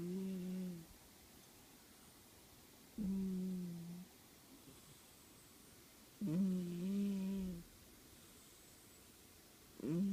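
Slow, low, tonal snores about every three seconds, roughly 17 a minute, with quiet pauses between; ordinary snoring in sleep.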